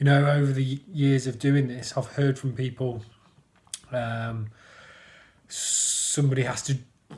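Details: Adult man who stammers, describing himself as a person who stammers and reporting blocking; stuttering (stammering).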